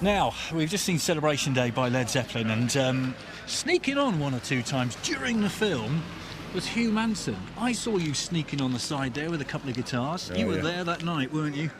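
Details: Adult male speaker; Normal voice.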